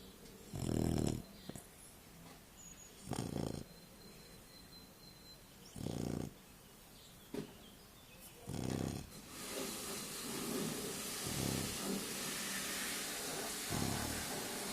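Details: Labrador retriever dog snoring in sleep: short snorting snores about every two to three seconds, roughly 25 a minute, with rising background noise toward the end.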